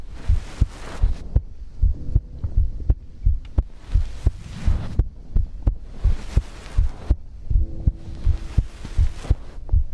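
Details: Own heartbeat recorded as ASMR for sleep: steady, low, deep thumps at about 80 a minute with a soft hum underneath.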